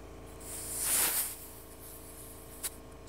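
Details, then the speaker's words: Rising then fading gas hiss as the supply hose is screwed in on a Drager Evita XL ventilator, stopping once connected, then a small click; the ventilator is pressurized with oxygen and air. "till it stops and now you've pressurized the ventilator with oxygen and air so that's really what you have to do"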